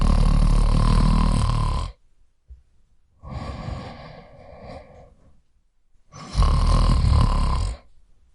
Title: Male snoring soundeffect